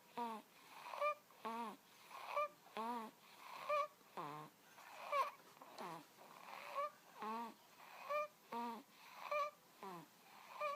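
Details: Two-month-old infant with noisy breathing resembling snoring: rhythmic squeaky, whistling sounds with each breath at about 44 breaths a minute.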